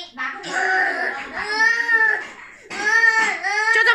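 Bursts of high, tonal wailing with brief catches of breath between them: an infant crying.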